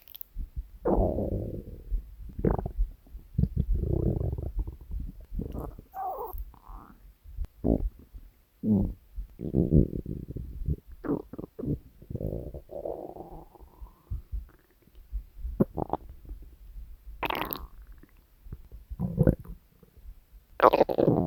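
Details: Hunger stomach growling from a compilation of three years of recordings: low gurgling and rumbling in irregular bursts, some drawn out and squeaky; borborygmi.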